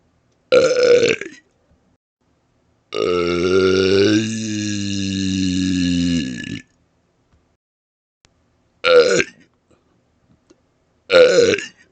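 Four loud voiced belches, one drawn out for several seconds with a shifting vowel-like tone, deliberately shaped into vowel sounds.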